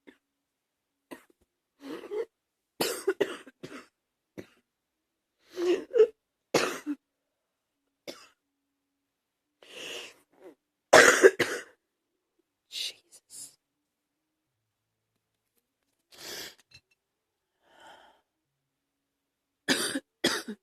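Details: Adult on day 4 of a viral illness, the virus now moving into the chest, coughs in irregular, repeated bouts: chest cough.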